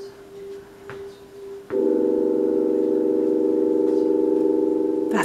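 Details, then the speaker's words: Open MRI scanner running setup radio-frequency bursts and scout views, with the patient in the scanner wearing ear plugs: a faint tone, then a loud, steady, rapid buzzing hum. "the thing about this machine is that noise for an MRI scanner is directly proportional to the field strength so the stronger the magnet allowed the noise"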